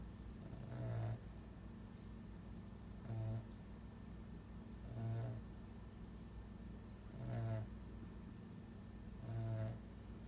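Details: Snoring from a man, whose tongue is too big for his mouth and contributes to his snoring.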